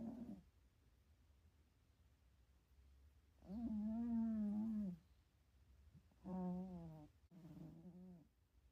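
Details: Snoring from a sleeping, dreaming cat napping at home: a few drawn-out, buzzy, tonal breath sounds in a quiet room.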